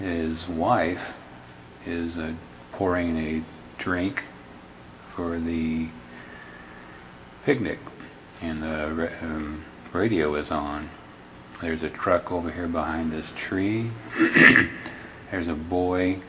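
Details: Logopenic variant primary progressive aphasia, an Alzheimer's disease phenotype, in a man describing a picnic scene; subtle word-finding struggles, paraphasic (wrong-word) errors and phonologic sound errors in spontaneous speech.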